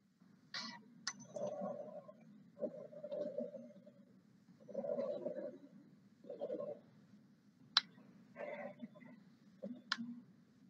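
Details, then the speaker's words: Pulmonary semiology lecture example of rhonchi: rough, low-pitched, turbulent rumbling breath sounds with each breath, described as air passing through viscous airway secretions. "Vocês conseguem perceber que antes era um negócio assim, é um som mais livre, que ele vai passando. Esse som de ronco, ele é um pouco mais turbulento, ele vai passando por um impedimento na hora que ele está indo."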